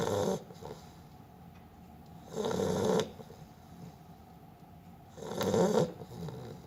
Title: PONGO The snoring Beagle